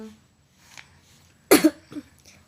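A child gives one short, sharp cough, then a softer follow-up sound in a quiet room.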